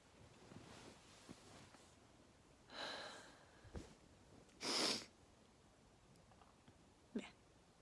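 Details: Two soft, breathy sneezes with a few small sniffs in a quiet room; sneezing.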